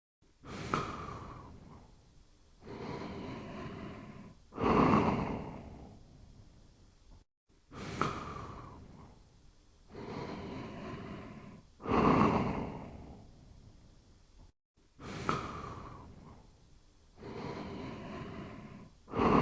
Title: Toby Sleeping and Snoring Quietly in 58 seconds